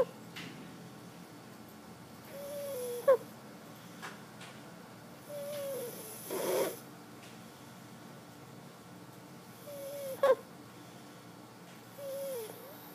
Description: My cute nephew asleep on our bed.. Snoring... With a twist.